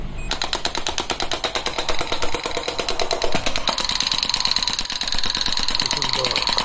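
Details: Portable electromagnetic digital shockwave therapy device (SW18, touch screen, 10 treatment areas incl. elbow, knee, shoulder, hip, ED, ankle; adjustable energy and frequency) running: rapid, steady tapping pulses about three per second over faint machine hum.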